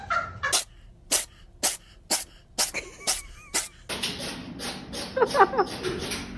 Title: Cat sneeze